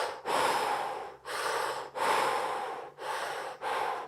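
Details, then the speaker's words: Loud, deep, gasping recovery breaths about every second after very narrow, restricted airflow in a man; textbook obstructive sleep apnea seen on ResMed automatic CPAP machine data, with repeating pattern and apnea flags. "see how the breathing's got very narrow very restricted he's having some problems getting air and then all of a sudden there's some great big breaths here"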